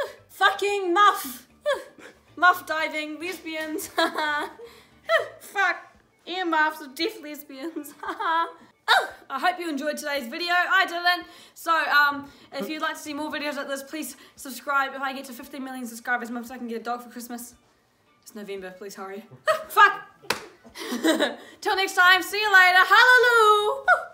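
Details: Teenager with Tourette syndrome reading aloud, with vocal tics intruding on the reading.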